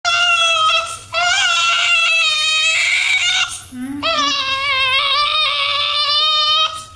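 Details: Newborn baby boy crying: loud, sustained, high-pitched wails with brief gasping breaths between them, in a small room; a typical vigorous newborn cry.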